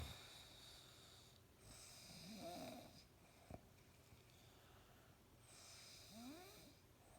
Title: Dad snores so loud.